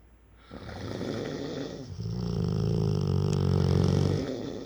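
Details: 4-year-old rottweiler snoring: a deep, loud, rattling snore building through a long breath.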